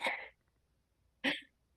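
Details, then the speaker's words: Child with obstructive sleep apnea, in a home video recorded by a parent during sleep, with chest retractions and paradoxical breathing and little airflow: two brief, harsh snorting gasps separated by near silence. "And then you'll hear him gasp. You'll be able to see his chest retract. You'll hear him snort and snore. And you will see him really trying very hard to move air without success."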